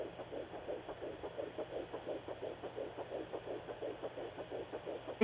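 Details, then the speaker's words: Rapid, regular whooshing fetal heartbeat at about 170 a minute, found with a home Doppler on the abdomen by the mother at about 8 weeks of pregnancy. "is so obviously my baby's heartbeat and it was insane and I could not believe I found it that early"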